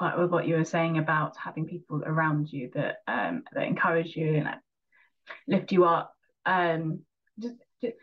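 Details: Real stammering in a person who stammers, speaking in an English conversation about stammering.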